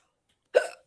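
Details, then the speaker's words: Adult talking in a conversation gets the hiccups and complains about them; hiccup sounds heard during the talk. "I got the hiccups. I hate that."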